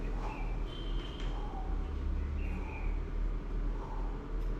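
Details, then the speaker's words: Lecturer's voiced imitation of a pediatric crescendo-decrescendo midsystolic murmur: a blowing sound that swells and fades with each heartbeat, peaking at maximum ejection, over room hum. "you can hear in my voice and in the way my head is going it's blowing and it's up and down up and down up and down each time the heart uh is beating"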